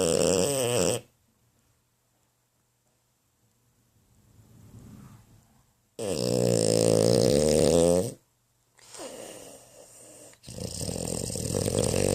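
Loud, rough, rattling breath sounds during sleep, in long bursts separated by quiet gaps; snoring.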